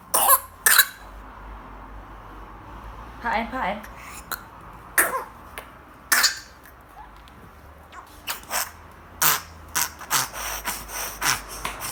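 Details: A 4-week-old infant with pertussis (whooping cough) has a coughing episode of harsh bursts, then a rapid run of coughs, with no whoop; no fever, clear chest, normal vitals between episodes, two episodes of not breathing.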